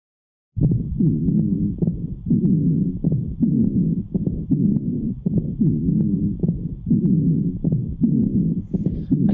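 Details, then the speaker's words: Expiratory stridor, likely from the lower airway, also called a wheeze: rapid noisy breathing with a low, musical whistling tone on each breath out. "as you can see this is most likely lower airway and this actually is an expert or East Rider or oftentimes we call it a wheeze"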